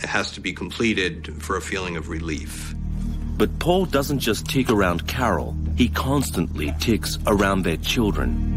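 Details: Adult male narrator; normal adult speech.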